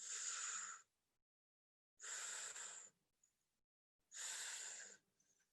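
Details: Three soft rustling breaths with quiet pauses between, played as a teaching example: normal vesicular breath sounds of healthy lung, contrasted with bronchial breathing over consolidation.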